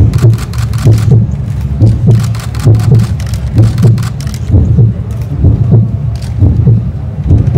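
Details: Fashion model's live heartbeat picked up by a small microphone in a stethoscope placed over the heart area, played through speakers while she walks a runway: steady low thumping about 65 a minute over crowd noise; normal heartbeat.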